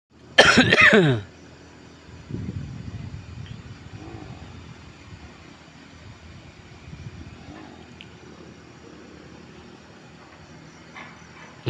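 A single loud, harsh adult cough, followed by quiet background rumble like a distant engine.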